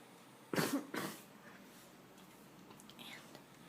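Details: Male cousin sleeping in the recorder's room, known to snore, gives two quick harsh cough bursts in a quiet room, then near silence.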